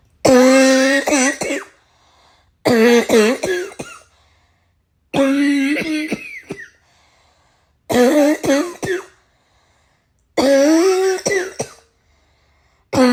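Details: Adult gives five bouts of harsh, voiced, barking coughs, repeating about every two to three seconds, on waking: barking cough.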